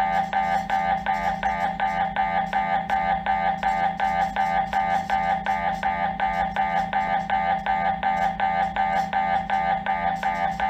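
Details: MRI scanner noise: loud, steady, rapid mechanical knocking with a buzzing tone, repeating about 160 times a minute.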